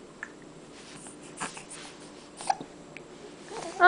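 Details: Hiccups in a 6-week-old baby.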